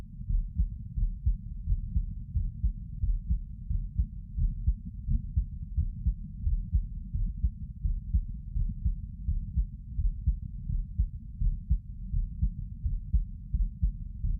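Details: Heart sounds of a person sitting: steady low thumping heartbeat at about 85 beats a minute under constant low body and contact rumble; normal heart sounds.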